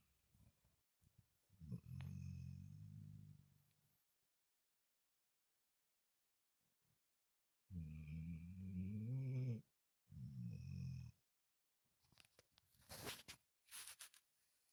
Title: Zuzu snoring